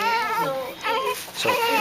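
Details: Newborn baby girl, born 7 lb 3 oz, crying: high, wavering wails in short bursts over loud room noise during care after birth.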